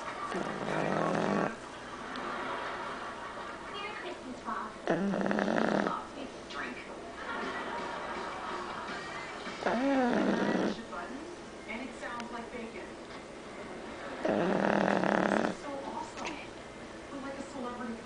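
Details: Boston Terrier asleep with a bone in her mouth after playing, snoring: about four noisy, snorting breaths with quiet gaps between them.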